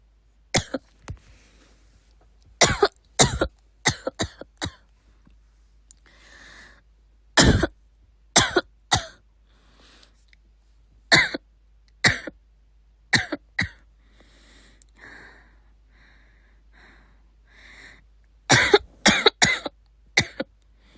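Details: Coughing in a sister: repeated sharp coughs in short clusters, with quiet breaths drawn between bouts.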